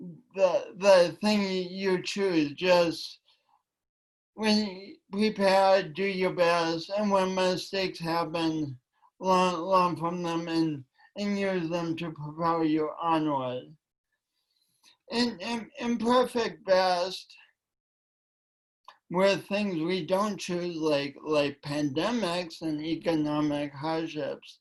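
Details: Woman with a long-standing speech impediment affecting her voice and coordination, which she denied for years; speech impediment.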